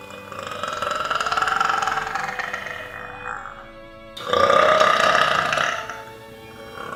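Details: Two long, drawn-out, voiced belches separated by a short pause, with background music; burping.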